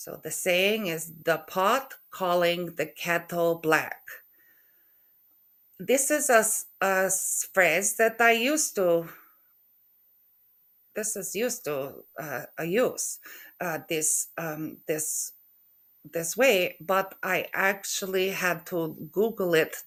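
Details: Aphasia in an adult woman after a stroke in November 2023, with word-retrieval difficulty and halting speech.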